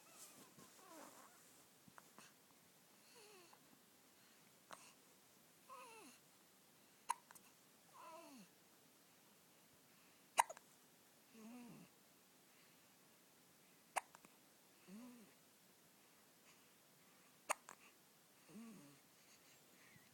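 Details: A 4-day-old newborn boy hiccups in sharp clicks, each followed by a brief squeaky little vocal sound.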